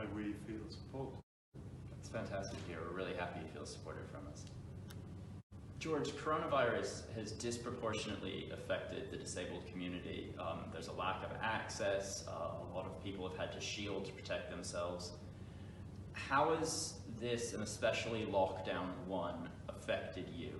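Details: Adult male interviewer; normal speech.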